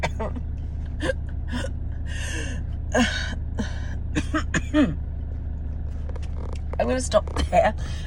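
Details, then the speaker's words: Adult with asthma, no chest infection, inflamed airways, close-miked deep breaths in a car: faint whistling wheeze with a few short dry coughs; asthmatic wheeze with dry cough. "that is what it sounds like for me today with um what I would call my my dry cough that's um that's a cough without deep infection or anything in in my chest"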